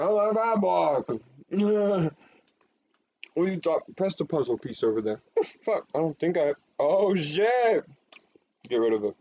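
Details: Adult speaker; Vocal tics (Tourette syndrome).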